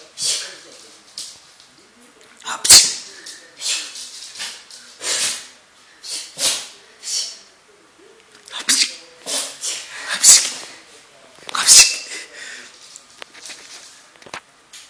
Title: Funny sneezing dog